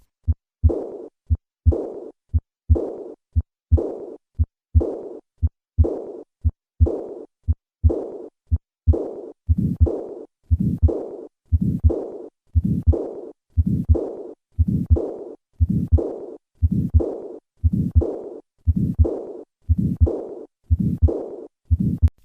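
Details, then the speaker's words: Regular heartbeat at about 60 a minute, each beat followed by a soft blowing murmur of acute severe aortic regurgitation, where the wide pulse pressure of chronic regurgitation is absent. "the arterial tree clamps down and prevents the wide pulse pressure normally seen in chronic aortic regurgitation the absence of this common sign can make a challenging to diagnose acute severe aortic regurgitation"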